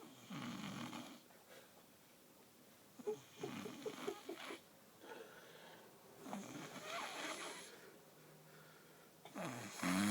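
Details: Soft snoring: repeated rough, fluttering breaths in and out at about 20 a minute, with a faint snorting rattle.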